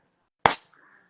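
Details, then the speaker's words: Needle-free hyaluronic acid injector pen fired on the lower lip to define contour, very small amount per shot: a single sharp snap. "entonces vamos vamos disparando para definir veis un poquito los disparos son inapreciables porque la cantidad es muy pequeña"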